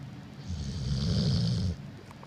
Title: Jax The Snoring Pit Bull